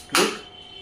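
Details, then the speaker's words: A single sharp snapping click from a high-energy focused (not radial) shockwave therapy applicator in manual mode, one shot per trigger press, during an orthopedic device demonstration. "I'm getting the shot. Click getting the shot. Click getting the shot."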